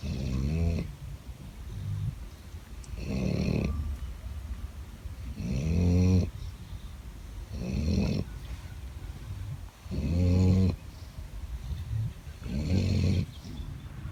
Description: Here’s a video of two dogs sleeping and snoring loudly.